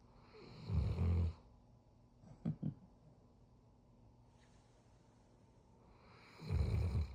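Two loud, low rumbling snores separated by a quiet pause of several seconds, with a brief soft noise between them; typical snoring.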